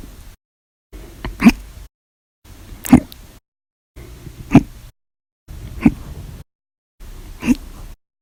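Five sharp, abrupt throat bursts about a second and a half apart, each a sudden catch of breath; repeated hiccups.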